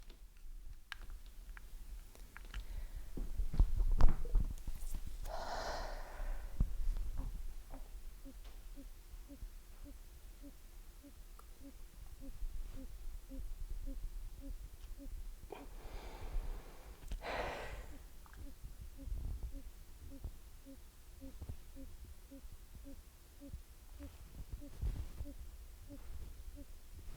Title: Audible heart murmur - Mitral valve prolapse